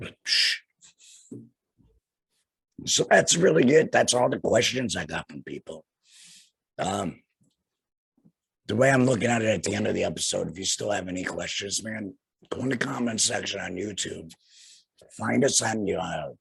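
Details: Male laryngectomee whose larynx was removed after cancer, speaking through a flanged voice prosthesis in the esophagus; tracheoesophageal speech after total laryngectomy.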